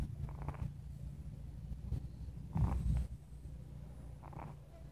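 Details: A stray kitten sleeping in a parking lot snores: snoring.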